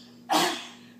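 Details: Young child (girl) coughing deliberately in play while watching herself: a single short, sharp cough with quick onset fading over half a second in a quiet room. Cough.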